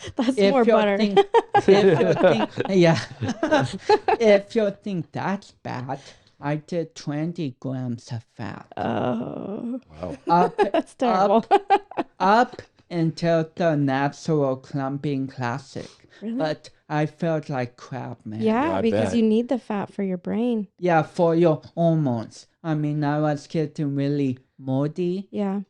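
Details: 32-year-old man with cerebral palsy, which he says affects his speech coordination and walking; dysarthria (cerebral palsy).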